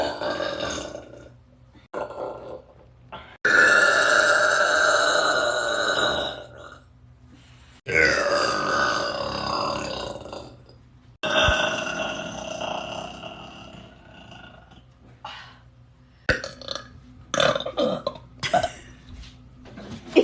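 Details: A man ripping out hot, gassy burps: several long, loud, drawn-out voiced belches in quick succession with short pauses; repeated burping.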